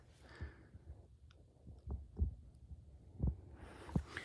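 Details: Soft low thumps at roughly 60 a minute, heard with stethoscope diaphragm and bell over cardiac sites such as the aortic area and Erb's point during a nursing head-to-toe assessment, with some handling noise near the end; normal S1 S2 heart sounds.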